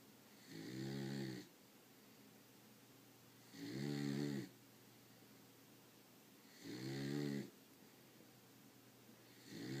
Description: My beagle snoring loudly